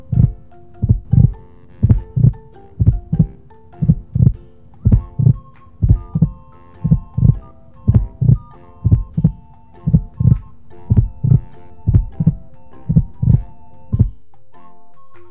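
Steady, regular paired heart thumps at about 58 beats a minute with soft tones behind; a normal heartbeat keeping a steady beat.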